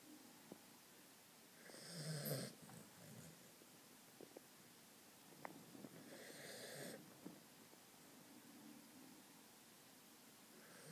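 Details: Sleeping cocker spaniel snoring: two drawn-out, rough breathing sounds with faint clicks in a quiet room.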